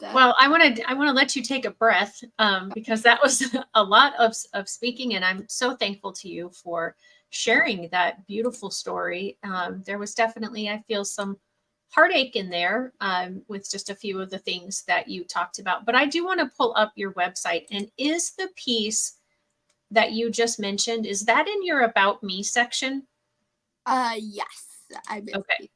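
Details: Adult woman speaking; normal speech.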